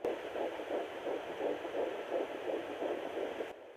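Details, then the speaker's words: Fetal heartbeat on Sonoline B Doppler at 10 weeks of pregnancy in a plus-size mother: rapid, regular whooshing pulses at about 165 a minute, much faster than the maternal heartbeat. "Oh, I just found them for a split second. Okay. So that is the baby's heartbeat."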